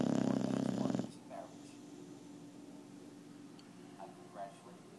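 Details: Rescued 2-year-old Boxer dog being treated for heartworm: a loud rattling snore through the nose, then quiet breathing with faint snuffles; snoring.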